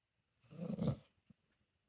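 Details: A single low, rumbling snore lasting about half a second, then quiet: a senior pitbull-mix dog snoring in his sleep, possibly dreaming.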